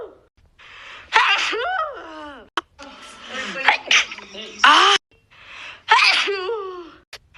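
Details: Woman with a cold recording her own sneezes: several sharp sneezes in a row, each after a quick drawn-in breath, some with a voiced trailing cry.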